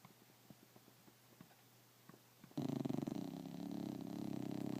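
Quiet ticking, then a sudden steady rumbling, fluttering snore; a dog snoring in its sleep.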